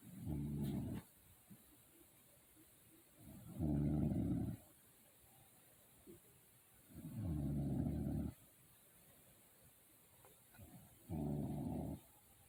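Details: Sleeping parent recorded by their daughter: four loud, deep, rattling snores, roughly 17 a minute, with quiet pauses between; heavy snoring during sleep.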